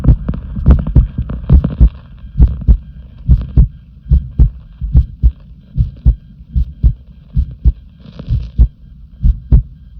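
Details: Heartbeat: low paired thumps around 70 per minute, slightly uneven in strength; an ordinary heartbeat.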